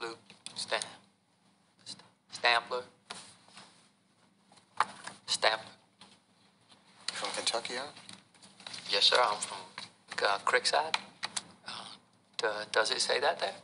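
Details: Acted stuttering: an actor portraying a stuttering film character.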